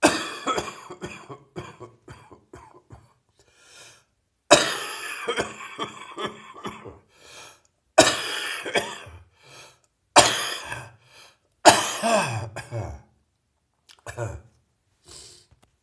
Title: More Heavy Chest Cold Coughing